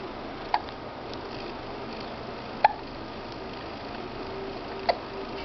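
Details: Three brief, sharp hiccup sounds from a child about two seconds apart, against quiet room noise.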